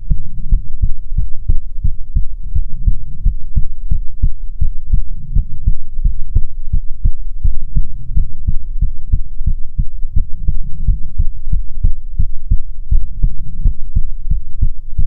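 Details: ASMR heartbeat recording: loud, steady low thumps of a regular heartbeat, close and booming; normal heartbeat.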